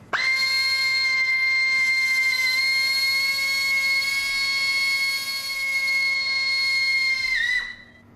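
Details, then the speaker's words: Real surgery on an 11-year-old girl with achondroplasia undergoing leg lengthening: a steady high-pitched whine for about seven seconds then winding down as a powered drill bores bone for the first fixator screw. "it's the job now to exchange the drill for a screw everyone ready"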